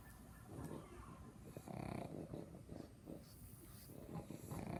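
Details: Pug, a flat-faced small dog, snoring in sleep: low, snorting, grunting rattles on each breath; noisy sleep breathing.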